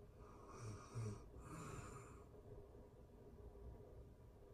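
Soft, low breathy snore with a brief snort at the start of the breath, over faint room hiss; ordinary snoring during sleep.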